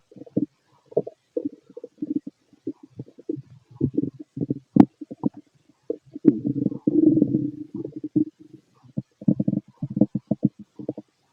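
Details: Fit male's abdomen heard through a stethoscope while he digests a mixed meal; frequent gurgling and rumbling bursts with brief pauses: active bowel sounds.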